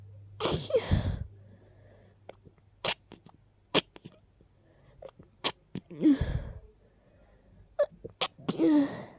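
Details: Person who is a little sick, with a very stuffy nose: several sharp, congested sneezes separated by sniffs and short breaths.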